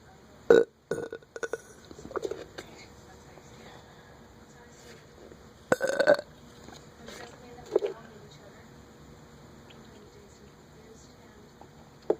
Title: Burping part 4